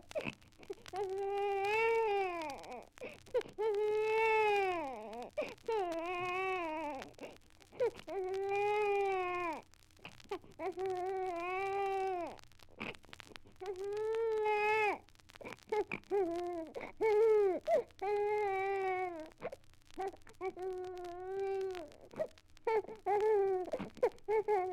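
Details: Archival 78 rpm sound-effect record of a baby's irritated cry, as if rudely awakened, force-fed or frightened by an explosion: repeated loud wailing bursts with short gasping breaths between them.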